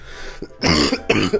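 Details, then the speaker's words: Two harsh, throaty cough bursts, somewhat like throat clearing, in a quiet room, from a person sick for about three days after eating a salad; cough during an acute illness. "all right so i'm not sure what i've got but i'm sick and i've been sick for the past like three days"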